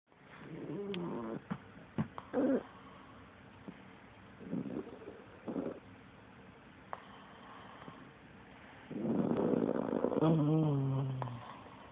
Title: Doo Doo snoring!!